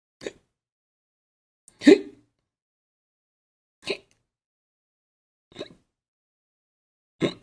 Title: Hiccups Sound Effect / Various Hiccup Sounds / Sound Of Human Hiccup For Edits / Royalty Free